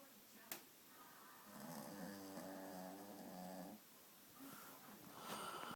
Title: Sleepy Willow | Ridiculously fluffy dog snoring it's head off! - August 2013